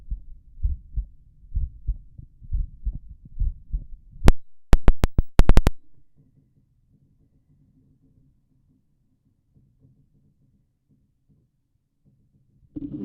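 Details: Heart auscultation in left lateral decubitus position; paired lub-dub heart sounds about 60 a minute, then stethoscope clicks and a faint low rumble: heart sounds.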